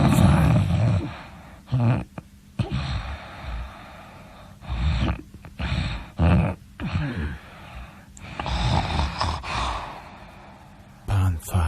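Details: Loud, deep, rattling snores in irregular bursts with quiet gaps and some gasping catches between breaths; snoring.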